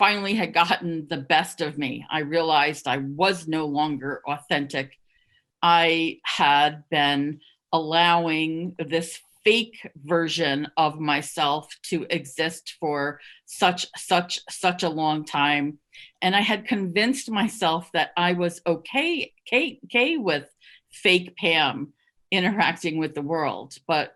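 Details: Stuttering in an adult who stuttered covertly for over 30 years, with repetitions of words and syllables; stuttering.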